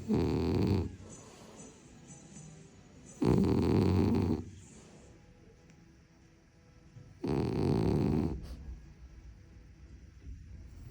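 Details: Sleeping female French bulldog snoring: three loud rumbling snores about three to four seconds apart, with quieter breathing between them.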